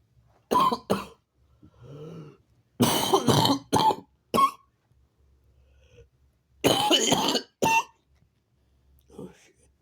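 Several sharp, forceful coughs in clusters of two, separated by pauses with a soft hum and faint breathing; a quiet room.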